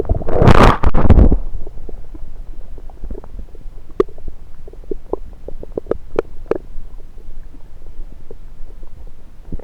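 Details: A person holds a stethoscope on various parts of their own belly. A loud scraping burst is followed by soft irregular gurgles and clicks: ordinary bowel sounds.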